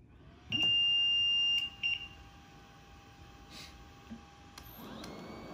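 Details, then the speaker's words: CareFusion LTV 1150 home ventilator switched on at setup: a long steady high beep followed by brief shorter tones over faint room noise; ventilator power-on beeps. "we're going to start with the main section of controls here you have your off and on here"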